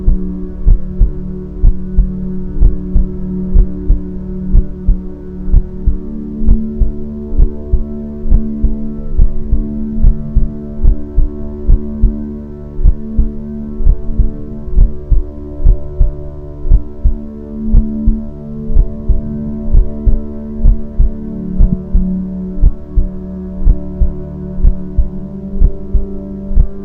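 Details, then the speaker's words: Mother's-heartbeat sound therapy track meant to calm puppies for sleep: steady, soft, low heartbeat thumps at about 62 a minute under gentle, sustained music. "मां की धड़कन की धुन पिल्लों को सुरक्षा का एहसास दिलाती है और उनकी चिंता को दूर करती है। अब हम आपको देंगे 60 मिनट की हार्ट बीट साउंड थेरेपी।"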